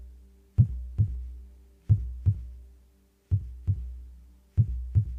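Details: Slow, regular heartbeat with steady low lub-dub paired thumps at about 47 beats a minute, with no talking; normal heartbeat.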